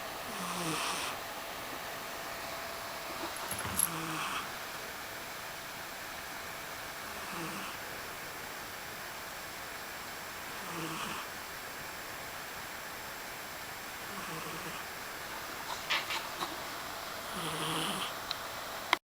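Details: A sleeping cat snoring: faint, soft snores at about 3–4 second intervals under a steady background hiss.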